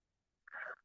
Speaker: Oh, can y'all hear the dog snoring?